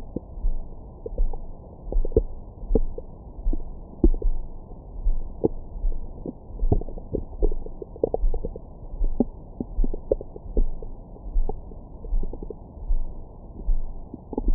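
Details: Recorded with a Stemoscope stethoscope microphone on the belly after a large meal: frequent soft gurgles and brief squeaky pops over a muffled low rumble, active bowel sounds of normal digestion.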